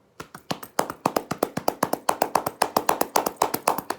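Rapid, steady hollow claps, about 230 a minute, with a ringing rather than flat slapping quality: a demonstration of cupped-hand chest percussion for airway clearance.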